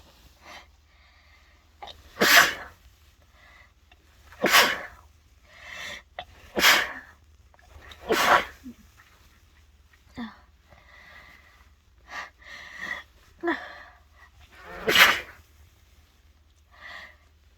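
Bout of repeated forceful sneezes, about six loud bursts with softer breaths and sniffs between them, from snuff taken during a head cold.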